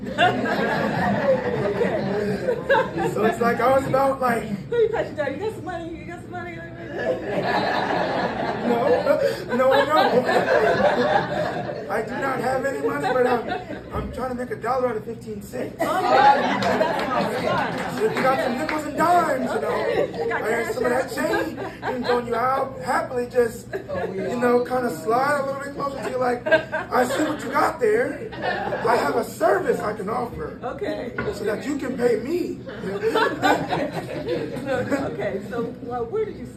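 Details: 22-year-old man born prematurely at about one pound, vocal cords still developing as he grew and still not closing all the way; breathy voice from incomplete vocal fold closure.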